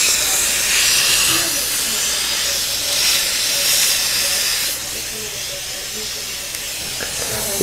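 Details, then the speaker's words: Loud steady water-spray hiss with a high drill whine, fading near the end: a dental drill with water spray opening a crowned front tooth to begin a root canal for a dead nerve and a large bone abscess. "let me get a plastic see if this get this to work now this may or may not work for us only and we use a lot of water in this procedure so we'll do our best to keep it dry here"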